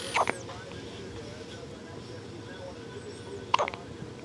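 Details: An infant's first hiccups: two short, sharp hiccup sounds about three seconds apart, with a quiet room in between.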